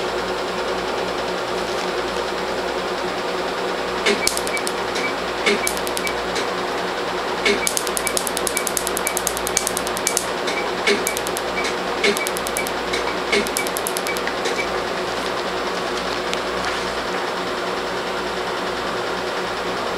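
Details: First laser tattoo removal session on a 4-month-old black-ink arm tattoo on African-American skin, treated at lower energy after anesthetic, patient feels mild popping: rapid sharp snapping clicks over steady machine hum, laser pulses.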